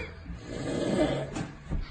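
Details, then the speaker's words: Young man in deep sleep snoring loudly, with low, rough rattling breaths over faint room noise while friends laugh. "gençler kahkahaya boğulurken derin uykuda olan arkadaşları da horlamaya devam etti"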